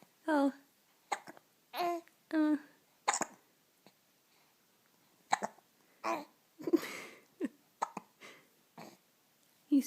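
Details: Young child in a bunny hat in the morning: short, abrupt voiced catches recur every second or so amid soft babble and grunting; hiccups.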